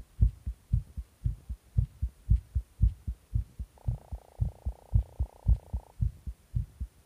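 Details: Rapid heartbeat after taking stimulants: strong, regular thumping roughly 110 to 115 beats a minute with a steady faint hum and a brief tone partway through.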